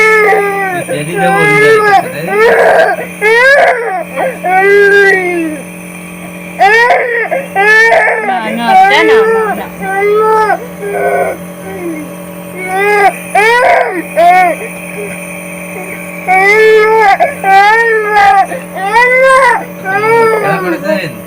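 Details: An infant nephew with a cold and cough cries in repeated loud wailing bursts over a steady mechanical hum while being given "gas".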